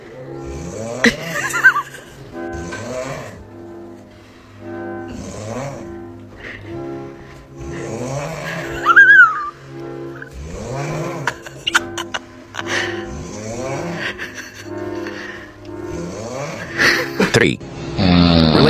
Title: RANKING BEST SNORING MOMENTS 🤣#shorts